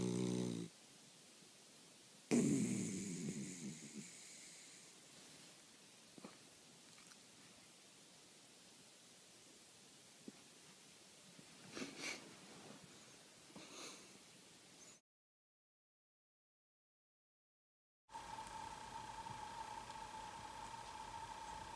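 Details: Dog snoring: a loud, rough snore, then softer snuffling breaths; a steady tone follows a brief silence.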